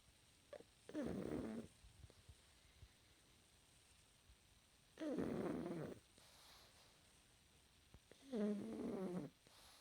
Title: 10 minutes of Pug fast asleep and snoring